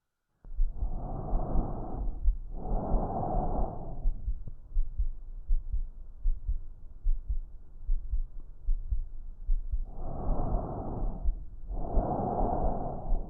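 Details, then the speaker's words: Loud, harsh, hollow tracheal breath sounds, inhalation and exhalation each clearly heard with a pause between, from air flowing through the hollow trachea. "Tiene que ver con el aire pasando por esa estructura hueca, que es la tráquea, ¿verdad? Todo el flujo de aire pasando por un mismo lugar. Por eso es un sonido más grande, ¿sí?"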